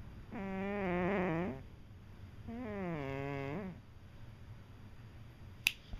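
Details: Female cat snoring in sleep, a habitual snorer: two long, tonal, whistling snores about a second each, then a sharp click near the end.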